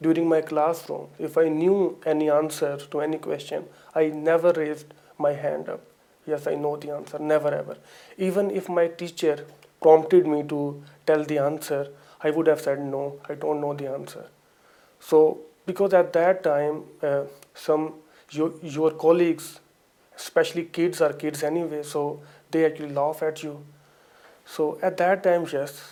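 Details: Adult man with lifelong stammering (stuttering), still present on certain words or phrases; GP-referred to speech and language therapy at about 29 for 6–7 months of one-to-one sessions.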